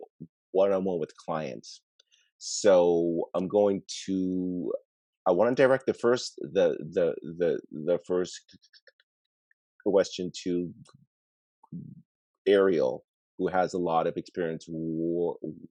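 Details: Real recording of an adult man who stutters, moderating a workplace webinar panel of people who stutter; stuttering.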